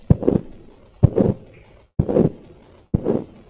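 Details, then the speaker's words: Honking systolic murmur from mitral valve prolapse with mitral regurgitation, from a teaching recording: a regular heartbeat near 65 a minute, each crisp first heart sound still heard, followed by a musical, honk-like systolic murmur. "this is in a mital Val prolapse and mital regation that is the reason why the first heart sound is still heard okay though it is Mr you are able to hear the first heart sound okay and this sound is typically called as a honk honking type of murmur"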